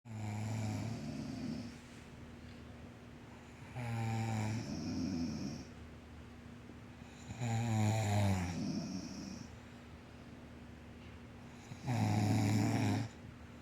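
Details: Four loud, low, vibrating snores over about 14 seconds, each a drawn-in rattle with a rougher out-breath, about 18 breaths a minute, over a steady background hum; snoring.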